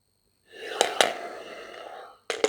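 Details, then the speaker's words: Triflo incentive spirometer breathing-exercise demonstration: a steady, unforced inhalation at the start, without straining, with soft clicks and a brief tonal hiss. "Evet şimdi nefes çekiyorum Ya şöyle Yapmayın bu değil biliyorum nefesimi komple bu ve Bildiğim kadar veriyorum"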